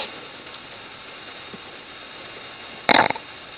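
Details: Single short, loud guttural burst lasting about a quarter second in a quiet room: a burp.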